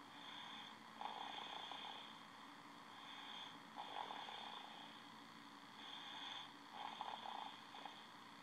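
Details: 14-month-old boy napping sideways in his crib, head on the bumper, worn out after music class; soft, regular snoring about every three seconds, roughly 20 a minute, over steady room hum.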